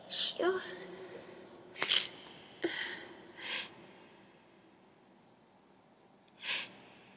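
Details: Several short, sharp, hissing sneezes in a run in a quiet room; sneezing.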